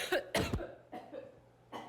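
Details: Several sharp, abrupt cough bursts from an adult woman with a cold, who then runs off for water, over a steady low background hum.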